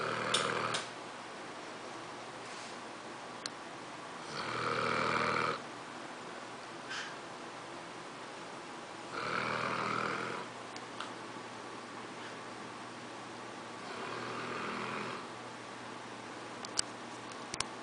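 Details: Sleeping English Mastiff in a funny position snoring in rough, rattling bursts roughly every five seconds, about 12 a minute.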